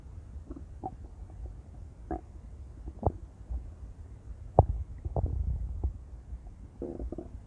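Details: Female with loud, irregular gurgling and rumbling stomach growls; ordinary borborygmi.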